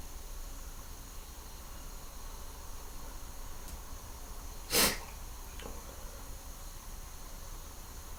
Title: Some let out sneezes and stifles